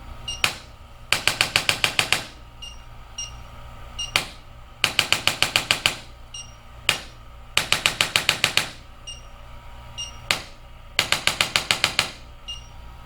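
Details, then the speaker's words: Bursts of six to eight rapid sharp mechanical clicks with pauses from a spring-loaded chiropractic adjusting instrument applied gently to the coccyx of a patient with sore tailbone pain, in a quiet room. "a little clicking just a way to help adjust the bones a little bit without is you know very concentrated area"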